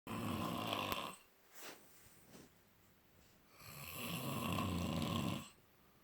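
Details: Two long, rough, rattling breaths during sleep with a quiet pause between them: ordinary snoring.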